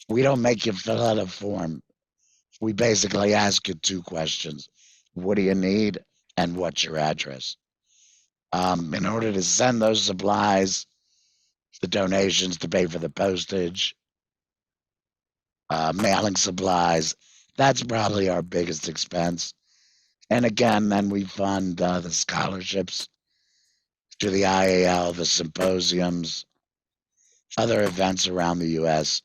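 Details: 66-year-old male with total laryngectomy in February 2019 for vocal cord cancer after months of hoarseness; voice prosthesis fitted September 2019, electrolarynx used before that; tracheoesophageal speech (voice prosthesis) after total laryngectomy.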